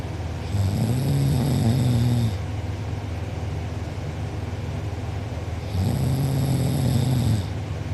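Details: Heavy snoring from a sleeper who was out cold, recorded by a family member; mouth open and drooling, with a sore uvula and soft palate afterward. Two long, loud, rattling snores on breathing in, with quieter breathing between them.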